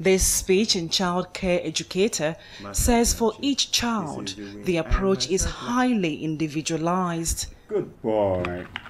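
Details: Adult narrator; fluent speech.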